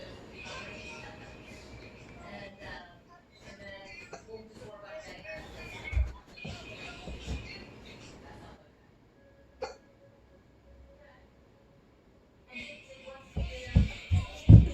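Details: Several short, sharp hiccups in quick succession near the end, during freeze dancing with music and voices.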